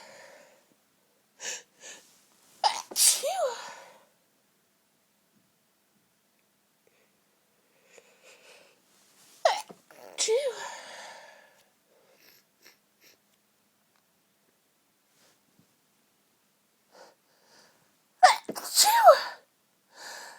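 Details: Woman sneezing while lying in bed surrounded by tissues: three separate sneezing bursts, each with a sharp intake and loud expulsive 'achoo', separated by quiet pauses.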